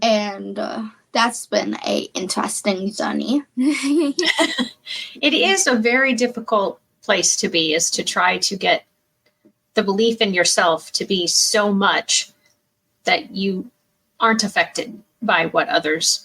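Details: Adult woman speaking; typical speech.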